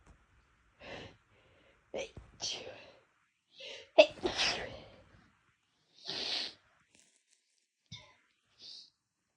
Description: I had been sneezing a lot more than usual that day (no apparent reason) and decided to induce a little to see what I could get out. Definitely wasn’t expecting as many as this!